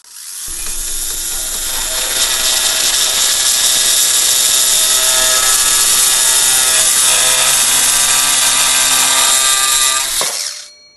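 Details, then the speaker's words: Rhinoplasty equipment demo: a Turkish reciprocating saw with a straight blade cuts a bone model with cortical and cancellous layers, giving about ten seconds of high, buzzing, rasping whine and a very thin, quick cut that jams the blade. "что стоит отметить а пропил очень тонкий сохранность кости очень хорошая пропил очень тонкий аж заклинивает Полотно и пропил я сделал быстро"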